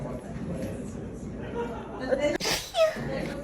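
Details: A single sharp, hissing burst of air, a sneeze, over quiet room noise and low chatter.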